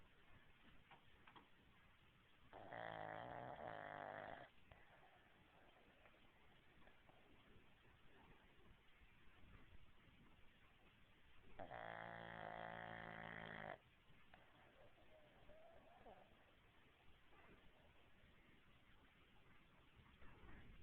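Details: Sleeping dog snoring like a man: two long, deep, buzzing, chainsaw-like snores about nine seconds apart, with quiet breathing and hiss between them; snoring.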